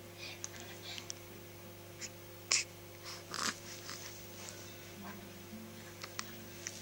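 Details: Soft, brief catching sounds repeating at uneven intervals from a 2.5-week-old newborn: infant hiccups.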